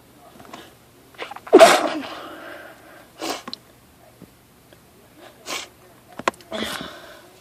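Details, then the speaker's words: Repeated sneezing after about 10 minutes in a hardware store, with a nose tickle possibly from plants, tools and wood: one strong sneeze then several smaller sneezes and sniffs in quick succession, urge persisting. "have to sneeze so bad. I can't hold the bag. And I can't stop. I'm gonna sneeze."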